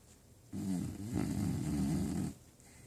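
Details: An animal fast asleep and apparently dreaming gives one long, loud, rattling snore lasting nearly two seconds in a quiet room; snoring.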